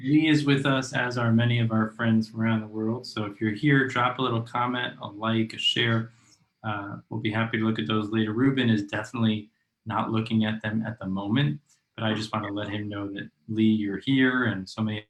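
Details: Adult male speaker; typical speech.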